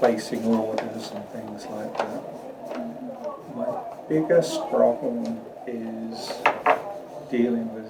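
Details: Brain injury survivor with aphasia attending speech therapy, reporting difficulty with question-and-answer sessions with doctors; aphasia.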